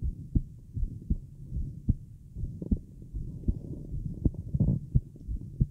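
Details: A woman's very fast heartbeat (tachycardia), heard through a Littmann stethoscope with a mobile mic while relaxing and smoking, said to grow stronger and faster: rapid low thumps with some rubbing noise.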